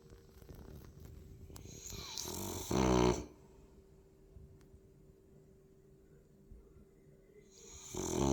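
Loud rattling snorts with long quiet pauses between breaths, typical of a flat-faced dog snoring in deep sleep.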